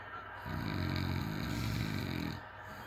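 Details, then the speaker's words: Sleeping man, recorded by a partner who can't sleep and remarks it's what you sound like when fat: one loud, deep, rattling snore of about two seconds with a rough low flutter over room noise; snoring. "Oh my goodness. This is what it sounds like when you fat."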